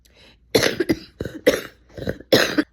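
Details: A sick adult with a raspy voice, who says many people nearby had the same cough, has a brief fit of about five harsh, forceful coughs in quick succession while talking.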